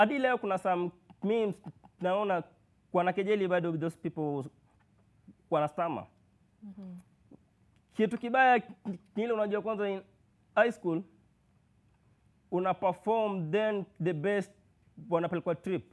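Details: Male university student who has stammered since birth, first noticed when reading in class three; speech therapist describes blocks, prolongations and repetitions; stuttering.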